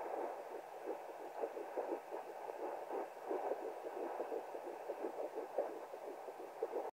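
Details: Fetal Doppler at 10+3 weeks of pregnancy, heartbeat first heard at 9+6: rapid, regular whooshing galloping beats, about 170 a minute. Fetal heartbeat on Doppler.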